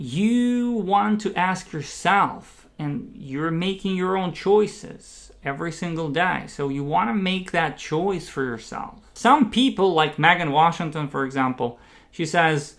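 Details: Adult man who identifies as a person who stutters; stuttering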